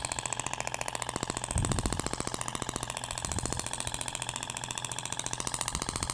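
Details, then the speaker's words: Thork shockwave therapy applicator with a spherical tip moving across a patient's abdominal skin, in two-direction passes: rapid, steady clicking pulses over a mechanical hum; shockwave device firing continuously. "então eu vou posicionar o aplicador vou iniciar os disparos faça um movimento de vaivém"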